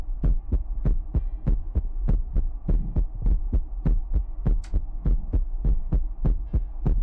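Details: Heartbeat sound in a Chinese ASMR livestream featuring mouth sounds, ear picking and water drops: steady, regular low thumping at about 100 beats a minute.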